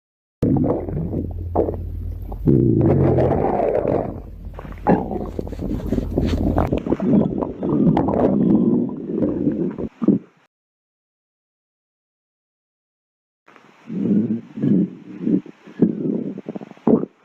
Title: stomach growling 10 MINUTES Compilation